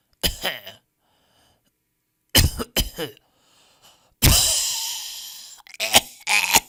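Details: Stock audio of people coughing in different styles: repeated harsh cough bursts in short pairs, with one long rasping expulsive cough, separated by brief silences.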